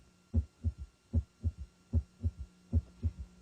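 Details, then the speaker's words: Heart auscultation in a health assessment tutorial: low heart sounds in triplets, a soft third sound after S2, about 75 per minute; S3 ventricular gallop. "especially note the timing of heart sounds in relation to the cardiac cycle and stay for abnormal heart sounds such as s3 or ventricular gallop"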